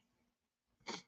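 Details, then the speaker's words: Single adult sneeze during a podcast; speaker says he is not sick. "Sorry, little sneeze. I apologize on that."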